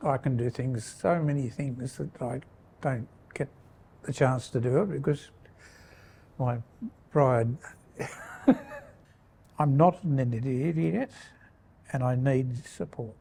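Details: Primary progressive aphasia in a man.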